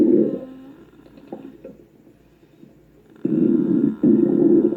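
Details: Loud gurgling rumbles, a quiet stretch of faint bubbling, then two strong rumbling surges; stomach growling (borborygmi).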